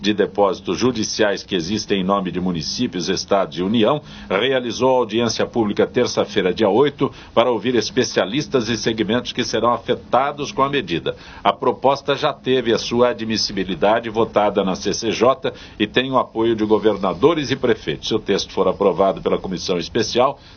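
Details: Adult male newsreader; ordinary fluent speech.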